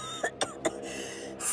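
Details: Three short throaty bursts over background music from an animated superhero girl character told she looks sick, who denies it and says excuse me; simulated throat clearing.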